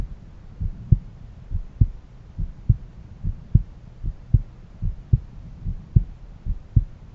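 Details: Own heart auscultated by stethoscope at a valve area: steady, regular lub-dub at about 70 beats a minute, no added sounds between beats; normal heart sounds.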